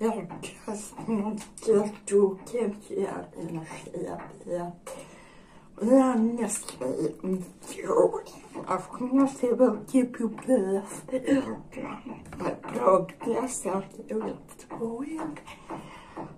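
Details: Dysarthria in an adult woman with generalized dystonia.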